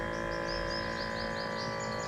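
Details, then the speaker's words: Omron HEM-8712 automatic upper-arm blood pressure monitor after pressing start: steady motor hum and whine as the cuff inflates at the start of a measurement. "What you have to do, you have to push this start button. It will start taking your readings."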